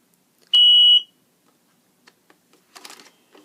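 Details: Sharp high-pitched beep as a Hospira Plum XL IV infusion pump is switched on after loading the primed primary-set cassette, followed by faint clicks and handling noise; normal power-on start-up signal.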